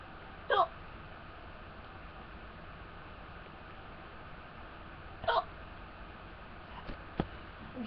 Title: OMG i have the hiccups :O